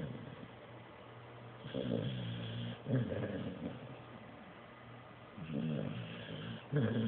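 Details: Blue nose pit bull asleep after a long day: low rumbling snores with breaths against steady background noise; snoring.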